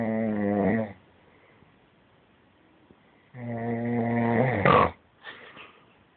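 Two loud, buzzing, rattly snores on the in-breath, the second ending in a snort, with quiet breathing between them in a small room.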